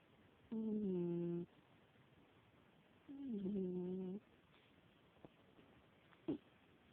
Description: My 17 year.old mama cat snoring...